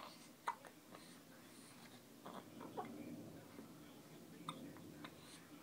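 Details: Three faint, sharp hiccup-like catches about two seconds apart in a quiet room; hiccups in a male who gets them at least once a day.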